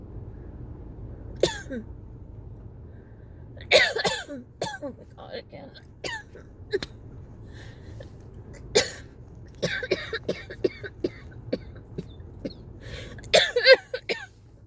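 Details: Repeated dry coughs and throat clearing in bursts with gasping breaths between, during a sudden cough variant asthma attack. The cough would not stop and the patient was lightheaded by the end.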